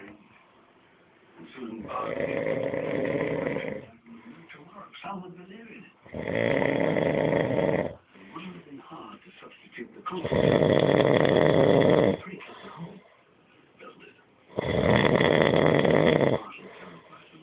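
Four loud, drawn-out rattling snores on inhaling, about every four seconds, with softer snorting breaths between: heavy snoring.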